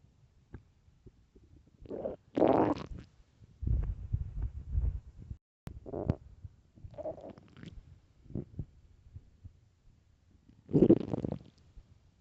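Irregular gurgling and rumbling bursts from the belly, some loud and drawn out, separated by quiet: stomach growling of an empty, hungry stomach.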